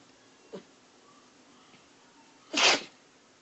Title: Spanky Sneezing